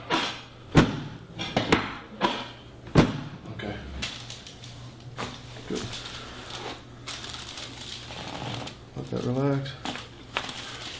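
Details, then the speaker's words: Several sharp, hollow thuds in quick succession from a chiropractic drop table during neck/back spinal adjustment ("a couple more drops"), followed by soft movement and brief voices. "One more here. Oh, gosh. Good. A couple more drops."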